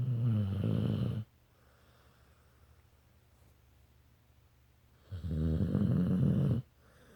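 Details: Dog Kelba sleeping and snoring: low, rumbling snores with a quiet gap between breaths; a normal sound.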